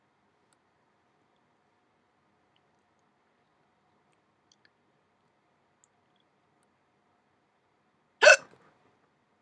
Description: Painful hiccups